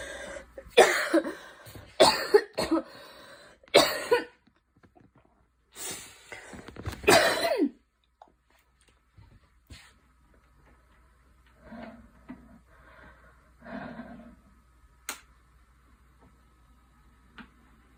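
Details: Girl coughing: repeated harsh coughs in two clusters, each a run of bursts, followed by quieter breaths and faint sounds in a small room.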